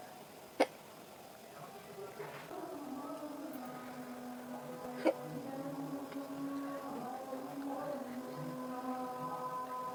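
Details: Person during a green-chili-eating hiccup challenge makes two abrupt, sharp hiccups about four to five seconds apart over steady background music; hiccups.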